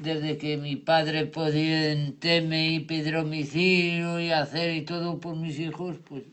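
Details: Male Spanish-speaking patient after an ischemic stroke caused by an operation; impaired comprehension, meaningless and invented words forming jargon, with some correct information kept; Wernicke's (fluent) aphasia.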